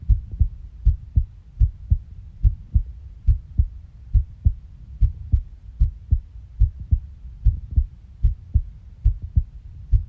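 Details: Regular heartbeat: steady paired low lub-dub thumps at about 72 beats a minute.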